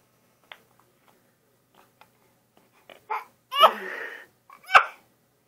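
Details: Young child in a quiet room: soft breaths and small clicks, then two sharp sneezes, one drawn out and one abrupt; the child sneezes repeatedly.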